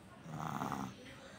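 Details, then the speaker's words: Young boy with a cold and fever (thermometer just under 100), given a nebulizer, now asleep: a single rough, snoring-like breath noisy with throat and nasal congestion; he had trouble breathing. "গলার আওয়াজটা শুনতে পাচ্ছে গলার আওয়াজের জন্য খুব কষ্ট হচ্ছিল তা নেবুলাইজার দিতে দিতে ছেলে ঘুমিয়ে গেছে"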